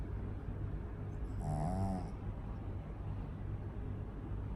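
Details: Sleeping pug, small flat-faced dog, with very loud snoring: one loud, rumbling snore on the in-breath over steady room noise; snoring.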